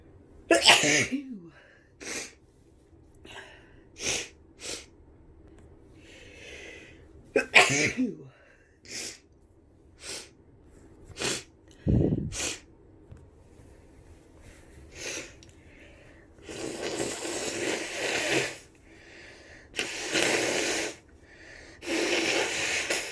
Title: Tickly sneezes and blows 🤧